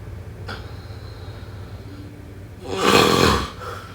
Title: #snoring #snoringasmr #sleepsounds #snoringsleepingsoundeffect #snoringsounds